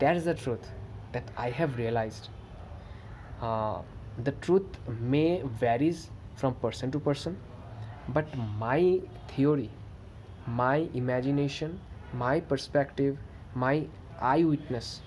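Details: Adult man who stammers, with variable severity across good and bad days; stuttering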